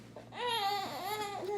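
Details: Single brief, clear-pitched wailing cry from a baby girl, an ordinary fussy cry; she had just woken from a 30-minute nap and had recently been fed, fussing as her mother uses a hands-free pump.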